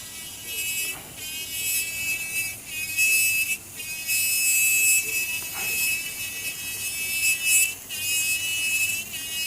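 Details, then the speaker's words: Cadaveric TONES dissection: high-pitched continuous whine of a diamond bur rising and dipping with load, cutting bone with continuous pressure, drilling wide toward the middle fossa base. "In surgery, I from now on I will switch to a diamond bur. Um I don't think we have a lot of time today, so I push a little bit. I use a continuous cutting."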